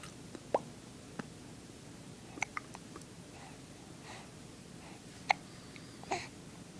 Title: Talk About Hiccups